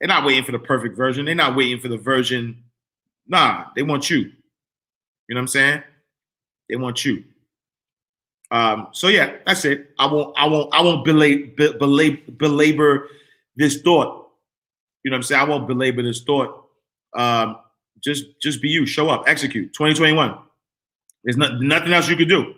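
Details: Adult man whose stuttering began in childhood and persists when he talks fast or is excited; he says it is occurring now.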